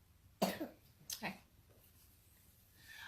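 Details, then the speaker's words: Two separate coughs from an unwell 4-year-old boy in a quiet room, each a sharp burst with a short tail. The parent notes he is not feeling good at all. "Hear that cough? Like, he is just not feeling good at all."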